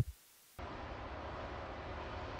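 Steady rushing, whooshing noise after a brief silence, a simulation of whooshing-type tinnitus.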